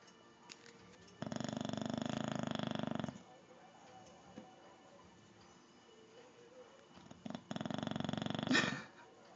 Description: Kong the bulldog snoring really loud. Yes hes sleeping in a clothes basket, he prefers that over a dog bed :)